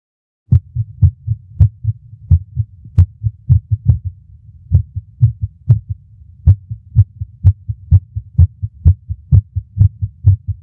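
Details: Low heart thumps with uneven spacing, early extra beats breaking the rhythm: irregular heartbeat with premature ventricular contractions.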